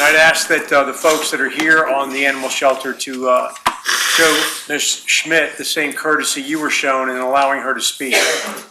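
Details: Adult male speaker; Normal speech.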